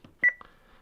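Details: A single short electronic beep from a Baxter HomeChoice home peritoneal dialysis machine, used by an adult on PD for about a year for kidney failure, as priming starts after the bag and patient-line clamps are opened; a normal operating signal.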